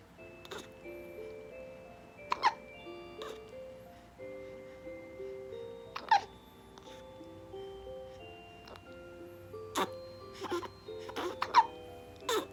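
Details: Newborn son, aged 2 days to 1 month, with hiccups that won't stop (frequent hiccups even before birth): soft, sharp little hiccups repeating irregularly, several in a row, under gentle background music.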